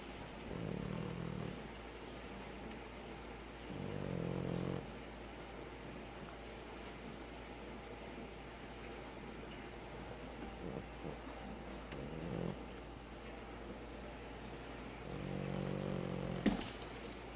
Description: Cute dog (Princess Pandora the french bulldog) snores